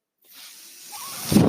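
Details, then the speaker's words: Mechanical ventilator breathing cycle heard behind a ventilator user's speech while recording a podcast. "That noise you're hearing is my ventilator."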